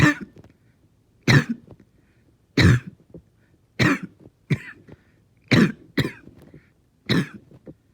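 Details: Sustained, painful coughing fit of about eight harsh bursts, some in quick pairs, with short gaps; the person says they stayed fairly calm.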